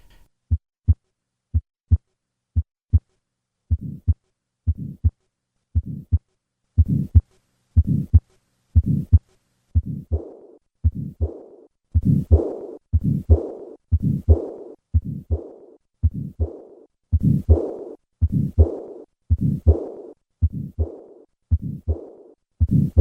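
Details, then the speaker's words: Pulmonic stenosis plus pulmonic regurgitation after tetralogy of Fallot repair with a transannular patch. Heartbeat near 60/min, with a harsh systolic murmur of residual stenosis followed by a diastolic regurgitant murmur. "Listen once again to combine pulmonic stenosis and regurgitation."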